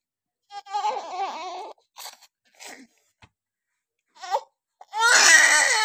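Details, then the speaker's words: Newborn girl just after normal vaginal delivery: strong, high-pitched wailing cries in bursts with brief pauses, a vigorous normal cry as breathing begins at birth. "इसलिए जब बच्चा पैदा होता है, तो वह अपने आप सांस लेना शुरू कर देता है।"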